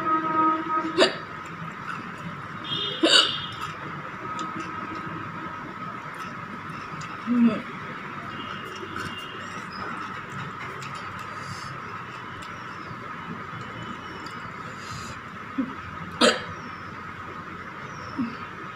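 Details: Woman's real hiccups brought on by eating very spicy green chili with rice and dal, without drinking water: brief, sharp involuntary hiccups, about six over nineteen seconds, against a steady room hum; hiccups.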